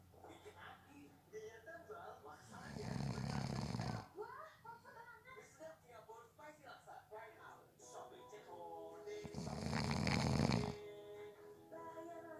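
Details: Person napping who fell asleep within 30 seconds: two loud, rough snores on the in-breath with a quieter stretch between, over background talk or TV; snoring.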